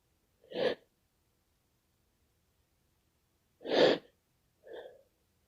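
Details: Repeated sneezing in a person who has been sneezing all day from an unknown cause: three sneezes in a quiet room, two loud and a softer third.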